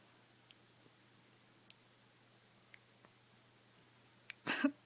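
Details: Female dog with hiccups after eating her food very fast: faint, brief clicking hiccups at uneven intervals, ending with a louder hiccup-like burst.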